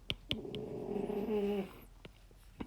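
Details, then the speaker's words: French bulldog sitting in owner's lap snoring: a single rough, low, drawn-out breath with faint tapping clicks in a quiet room. "By the way, if you hear snoring in the background, that's just my French bulldog as usual. She sits in my lap as I draw. So that is the sound of French bulldog snoring."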